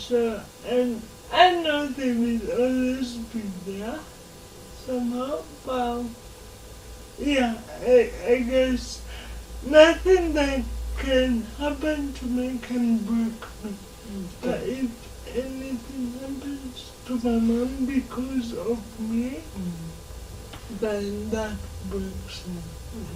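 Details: Dysarthria in a 26-year-old woman who has lived all her life with cerebral palsy and says she learned to talk later than other children.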